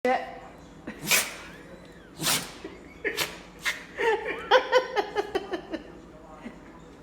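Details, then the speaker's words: Sneezing after getting into insulation; the sneeze is described as funny. "That's why you don't get in the insulation. So that's the hanging. Makes you sneeze."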